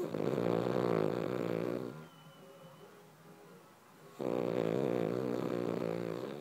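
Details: Sleeping dog snoring: loud, rattling snores on each breath, a quieter pause, then the snoring resumes.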